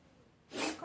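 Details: A cat, after a moment of quiet, gives a single short, sharp, airy burst: one cough.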